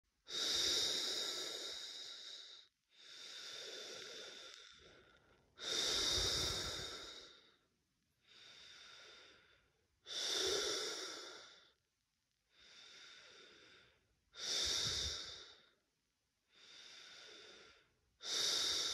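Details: Laboured breathing at rest in first-time COVID-19 positive person: loud, effortful, hissing breaths about 14 a minute; chest feels hard, trachea feels blocked, air feels oxygen-less.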